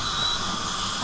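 Steady high hiss with a thin whine and water spray, an ultrasonic scaler running during professional teeth cleaning.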